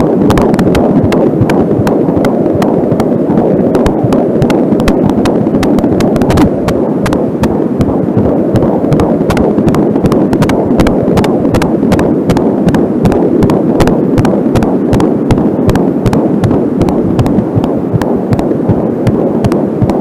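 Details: Home Angelsound fetal Doppler recording, fast whooshing beats around 158 a minute under heavy static; slower beats at times are the mother's own pulse from a nearby artery; fetal heartbeat.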